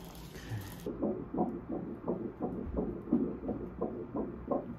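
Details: Fetal heartbeat on first-trimester ultrasound at the first doctor's appointment, mother with all-day nausea and vomiting: rapid, rhythmic whooshing pulses at roughly 170 a minute.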